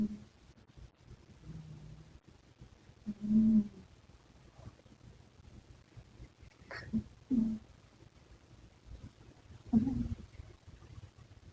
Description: Cat snored while sleeping soundly